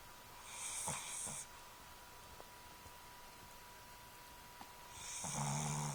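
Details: Two soft snorting snores a few seconds apart during sleep over a quiet room hum; snoring.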